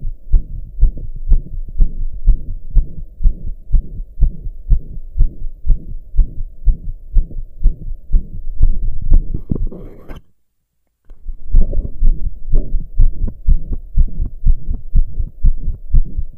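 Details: Loud, fast heartbeat of about 120 a minute with a whooshing murmur between beats, recorded lying down after the heart had calmed from pounding for hours; heart murmur.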